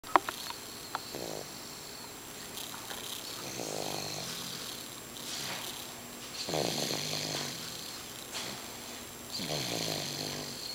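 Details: Baby asleep after a trip to the library, snoring lightly: soft, noisy, slightly rattly breaths in and out recurring every few seconds.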